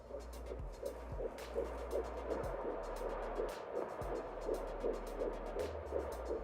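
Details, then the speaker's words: Fetal heartbeat heard on doppler at week 11 of pregnancy, found within seconds: fast, regular whooshing pulses at about 160 a minute over doppler hum. "Week 11, we heard the heartbeat."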